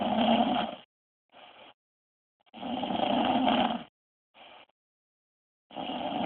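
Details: Wife snoring during sleep, recorded on an Android phone: loud, rough snoring on each inward breath with quieter outward breaths, about 20 breaths a minute.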